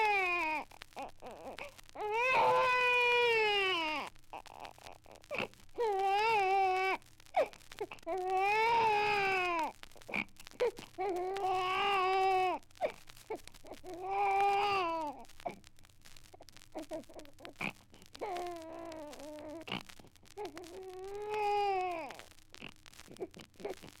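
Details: Archival sound-effect recording digitized from a 78 rpm record: the irritated cry of a baby in repeated rising-and-falling wails with short gasping pauses, a fussing cry.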